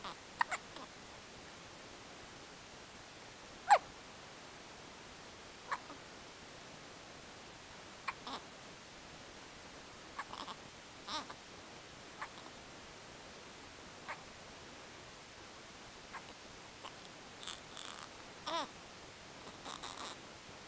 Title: Hic, Hic, Hic, Hiccups... poor baby